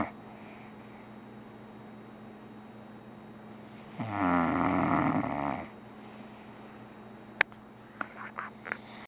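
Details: One long, loud rattling snore over a steady room hum, then faint clicks, from a dog sleeping on a pillow.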